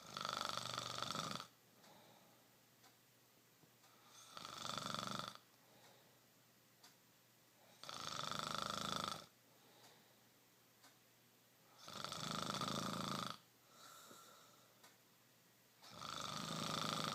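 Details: Rough, rattling snores on each in-breath with quiet gaps, about 15 breaths a minute; ordinary snoring.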